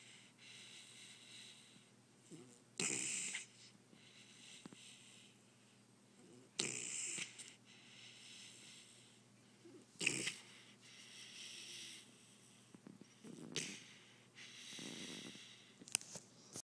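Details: Sleeping ice-blue Doberman snoring: rhythmic, noisy, snorting breaths, about 17 per minute.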